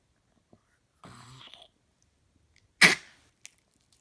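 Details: Dog coughing: a brief throaty rasping sound, then one sharp explosive burst that fades quickly in a quiet room; cough.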